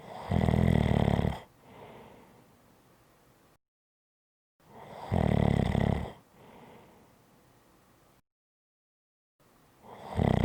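Loud, low rattling snores on each in-breath, about one every 4–5 seconds, with quieter out-breaths between: ordinary heavy snoring.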